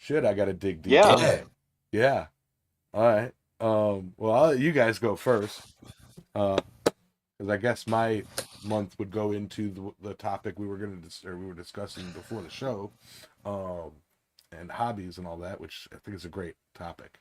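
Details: Adult male speaker; Ordinary speech.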